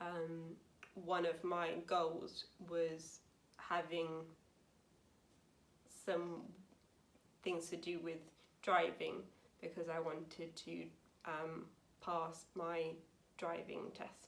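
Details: Woman aged 28 with aphasia after a severe stroke in 2009 at age 18, recorded about nine years post-stroke; aphasia.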